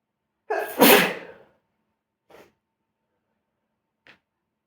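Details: Sneezing at smoking: a single forceful sneeze with a sharp intake before it, then two faint small sounds.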